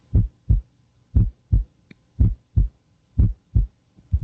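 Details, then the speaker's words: Normal first and second heart sounds heard with a warmed stethoscope diaphragm over the point of maximal impulse before taking an apical pulse: regular paired lub-dub beats at about 60 a minute. "once you can hear S1 and S2 with regularity look at your watch"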